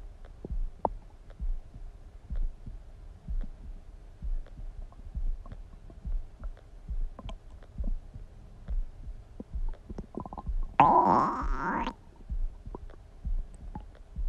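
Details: Person's own stomach rumbling (borborygmi): soft, irregular gurgles and clicks with one longer squeaky gurgle; ordinary bowel sounds.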